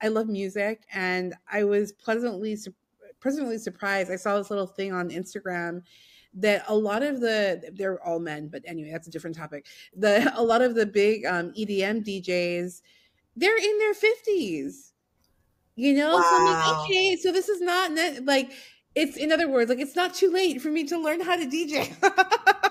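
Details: Adult woman speaking, with a brief reply from a second speaker; normal conversational speech.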